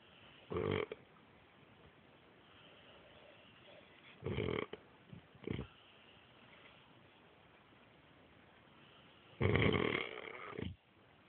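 Short, rough snorting snores separated by long quiet pauses, against faint background hiss.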